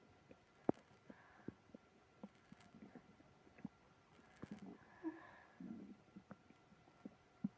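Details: Stomach growling (borborygmi) with tummy trouble after eating ice cream: gurgling, rumbling bowel sounds with short pops and longer low groans; moaning also noted.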